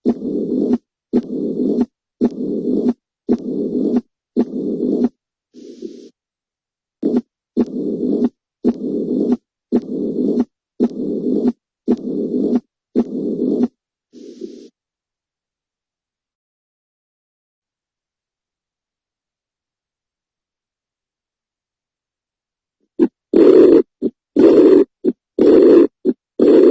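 Through the stethoscope comes a steady run of heartbeats, each carrying a drawn-out whooshing rush in place of crisp, clean sounds, with a long silent gap midway. This is a heart murmur: turbulent blood flow across a valve or chamber, heard as an extra swishing noise with each beat.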